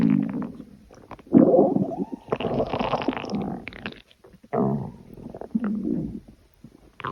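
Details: Stomach growling (borborygmi): irregular low gurgling and rumbling sounds with squeaky bursts and short pauses, a normal sound of digestion.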